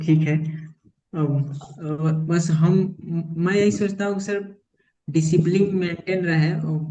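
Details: Adult male in stammering therapy for about a year, reporting his stammer largely improved; stuttering.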